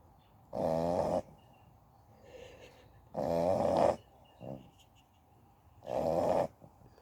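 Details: American Staffordshire Terrier x XL Bully dog snoring in sleep: three loud, buzzing inward snores about every two to three seconds, with softer breaths between.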